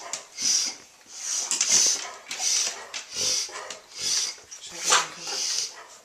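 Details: Female dog recorded with a Flip Video camcorder, her stomach also growling a lot, gives a run of about seven harsh, breathy coughing bursts in quick succession; dog cough.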